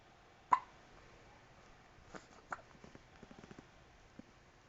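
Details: Newborn baby: three short, sharp hiccups in a quiet room with faint small noises between them; ordinary newborn hiccups.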